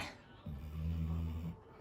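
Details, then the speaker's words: Sleeping Labrador dog on a bed keeps snoring as someone calls to him: one low, buzzing breath lasting about a second in a quiet room; snoring. "любовь моя такой ужасный голос что он не понимает кто его зовёт продолжает храпеть Это очень смешно"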